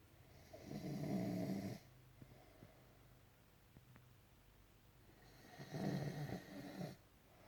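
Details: Two loud, rattling snores about five seconds apart with quiet breathing between; ordinary snoring.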